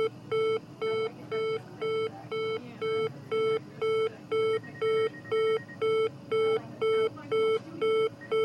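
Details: Sound-effects library recording of an oxygen saturation (pulse oximeter) monitor alarm: regular, steady electronic beeping, about 120 beeps a minute, with faint room noise.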